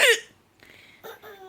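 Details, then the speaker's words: Grandma's hiccups while a baby laughs at them: a single sharp, abrupt gulping hiccup followed by faint soft sounds; hiccups. "okay grandma's got the hiccups and apparently you think it's funny not my fault how am I gonna get rid of my hiccups"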